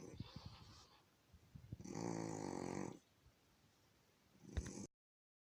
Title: Here's footage of my cat snoring for a minute